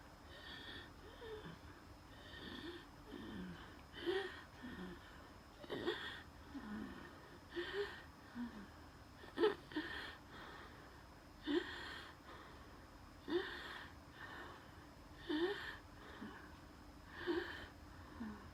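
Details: Wheezing during a night asthma attack, with dizziness and chest pain: labored breathing at about 15 breaths a minute with short whistling wheezes.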